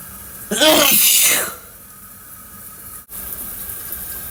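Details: One loud, forceful sneeze lasting about a second, taken in the shower with running water heard throughout; sneeze.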